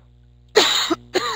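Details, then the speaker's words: An adult lecturer gives two short, dry coughs in quick succession during a fetal monitoring lecture, an ordinary incidental cough. "sorry i wanted to cough for a moment"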